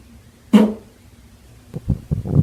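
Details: After prune juice and dried fruit: a short low squelch followed by a run of bubbling, rumbling gurgles; active bowel sounds, or stomach rumbling.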